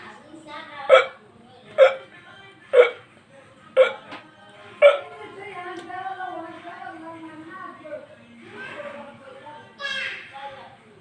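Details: Repeated hiccups: five sharp hiccups roughly one second apart, followed by soft vocal sounds with faint background music; person trying a hiccup remedy.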